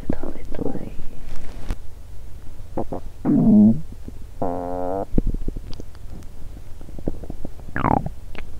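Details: Hunger stomach rumbling (borborygmi) in a woman after over 17 hours without food, on a day her period is due with a bloated stomach; she also notes unusual popping sounds.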